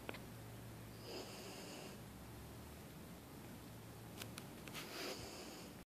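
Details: A small female husky snoring, said to snore louder than a bigger dog: two soft, raspy breathing sounds over steady room hiss.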